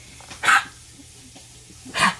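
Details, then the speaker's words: Dog with kennel cough, triggered by exertion during play: two short, harsh, dry hacking bursts, a light episode; usually hacks harder, episodes worsening with play. "Do you hear that? That's kennel cough. This is just a light episode. Usually she's hacking a lot harder than this."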